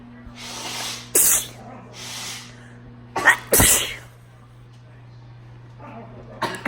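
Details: Sneezes triggered with a Q-tip and recorded up close: two sharp, explosive sneezes, each preceded by a breathy build-up inhale, over a low room hum.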